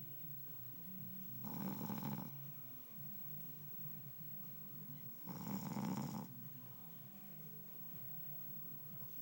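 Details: Adult husband snoring: two loud, rumbling snores about four seconds apart, each drawn out over a breath, with low humming between. Snoring.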